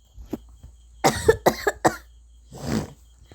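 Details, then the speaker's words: Person who says they have some throat trouble causing occasional coughing, coughing while talking during gameplay; cough. "എനിക്ക് തൊണ്ടക്ക് ഇച്ചിരി കുഴപ്പമുണ്ട് അതാണ് guys ഇടക്കിടക്ക് ചുമ വരുന്നത്"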